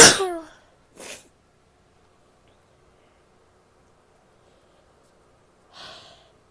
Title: sneezing, coughing, nose blow towards the end (f)